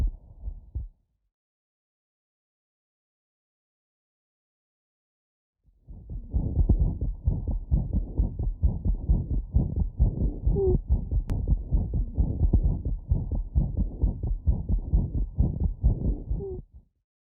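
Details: Abnormal heart sound through a wireless stethoscope: rapid, dense heart sounds at about 130 a minute with a continuous rough whooshing between beats.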